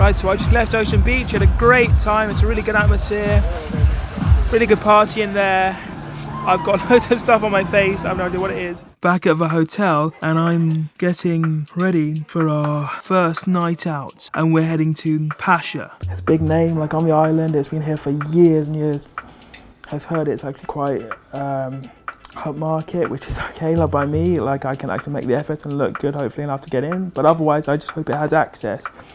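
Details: Adult man, wheelchair user, with cerebral palsy affecting his movement and speech: dysarthria (cerebral palsy)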